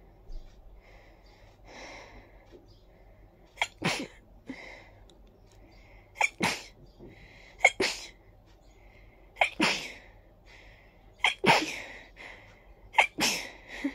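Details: Sneezing fit after a very tickly nose: a run of about seven short, sharp sneezes, some in quick pairs, with soft sniffing breaths between them.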